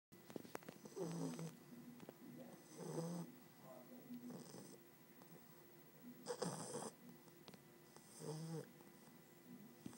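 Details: 3-month-old English Bulldog snoring while asleep: rattling, wheezy snores from a flat-faced dog, about one every two seconds, fairly irregular, with faint room noise.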